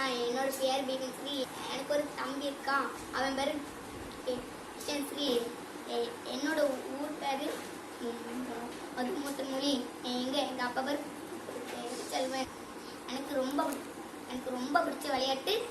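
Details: Boy who stammers, after two months of stammering training with a self-reported improvement of about 75-77%, introducing himself with a word repetition. Finding: stuttering.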